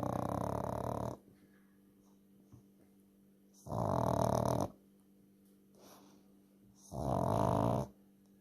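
Long, regular rumbling snores about every three seconds, with quiet breathing out between them; steady room hum behind.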